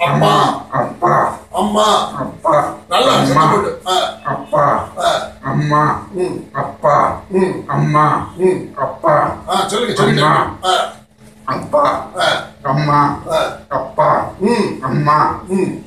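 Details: Patient with puberphonia during a voice treatment session, doing a repetition drill; the clinician says he is slowly acquiring the male voice. Finding: puberphonia with transitional voice during therapy.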